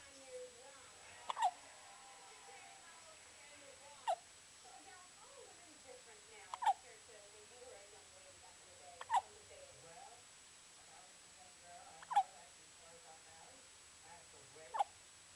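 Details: Sharp, brief hiccup sounds about every 2.5 to 3 seconds, six in 15 seconds, with soft vocal sounds between; hiccups.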